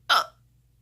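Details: A single abrupt, sharp voiced 'hic' during filming from an adult with multiple sclerosis who says they have had frequent hiccups since childhood, now daily and sometimes several times a day; a hiccup.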